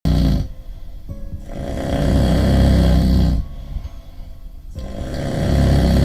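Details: Very loud, deep, rumbling snores on each breath, with short quieter pauses between; two long snoring breaths over six seconds.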